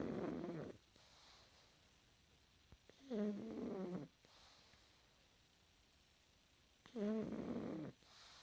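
Slow, rumbling snores every few seconds, with a soft whistling exhale between them: a small dog snoring in sleep.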